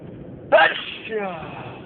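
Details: Person driving a car during a long sneezing fit: a single sharp, explosive sneeze followed by a brief vocal trailing sound.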